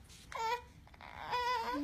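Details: Infant girl during a chiropractic adjustment, treated for trouble sleeping and latching onto one breast: two short, high-pitched, clearly voiced cries separated by a brief pause, quiet room.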